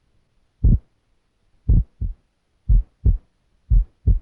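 Regular low-pitched heart sounds at about 60 beats a minute in a quiet room. The first heart sound is split, breaking into mitral and tricuspid components because the two valves close slightly out of sync; this is uncommon and best heard at the tricuspid area.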